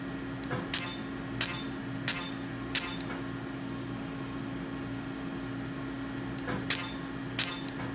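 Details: Vbeam Perfecta pulsed dye laser firing during a live treatment of many small enlarged facial blood vessels: sharp snapping pulses, about seven in eight seconds, over a steady room hum.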